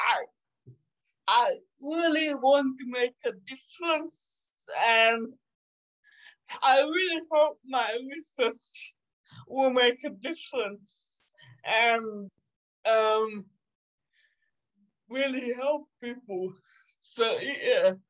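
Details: 27-year-old woman with cerebral palsy caused by severe neonatal jaundice; doctors predicted in childhood she would never walk or talk; she says it makes her sometimes speak and move differently; dysarthria (cerebral palsy).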